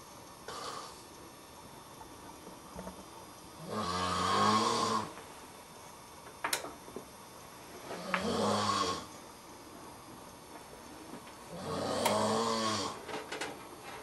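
Three rattling, fluttering snores about four seconds apart, roughly 15 a minute, over light room noise; ordinary snoring.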